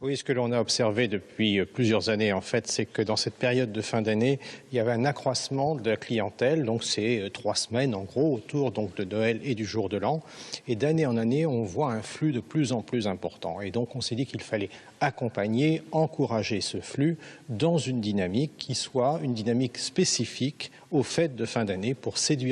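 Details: Adult man speaking French; normal voice.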